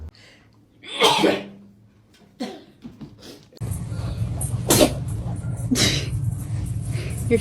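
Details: Adult's sharp, loud sneeze that startles cats; later sounds are masked by steady background noise and music.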